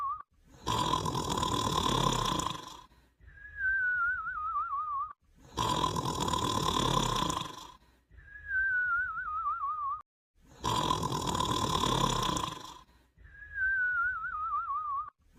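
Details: Sleeper snoring and whistling: loud rattling snores alternate with a wavering whistle, about 12 breath cycles a minute.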